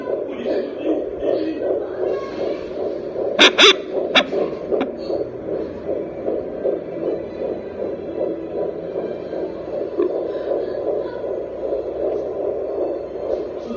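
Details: Rapid, regular whooshing fetal heartbeat at 13 weeks of pregnancy, picked up at home by a handheld JPD-100E fetal Doppler, with brief probe bumps.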